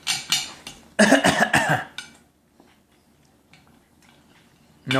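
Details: Toddler's voluntary pretend cough: a string of short, voiced coughs copying her father's cough, with dishes clinking nearby.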